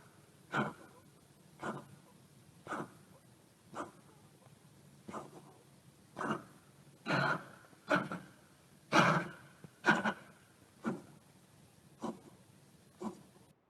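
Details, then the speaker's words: Cocker dog with a very bad chronic respiratory cough of many months, not cardiac; about twelve short, harsh, throat-clearing coughs in a row. "okay okay but this cough for this dog wasn't related to cardiovascular disease it had a very bad chronic cough going on for many many many months already and it was a respiratory issue for this doctor"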